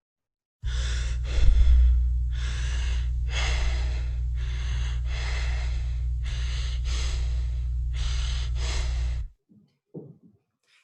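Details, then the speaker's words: Kussmaul breathing, deep hyperventilation seen with acidic blood states such as diabetic ketoacidosis, alcohol toxicity, salicylates, seizures or sepsis. "so the causes include diabetic ketoacidosis toxic condition of alcohol salicylate seizures or sepsis"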